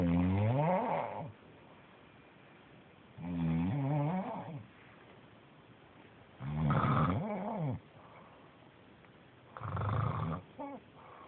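Four deep, rumbling snores come with each breath, about 19 a minute. Quiet pauses fall between them.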